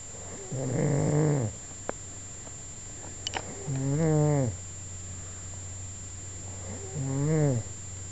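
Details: Three loud, low, rumbling snores over about eight seconds, near 20 a minute, with quiet pauses between them; ordinary snoring.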